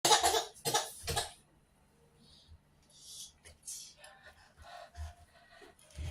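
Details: Three loud, quick coughs in a row, then quiet room noise with faint sounds, performed by a comedian in a comedy sketch about snoring; a plain cough.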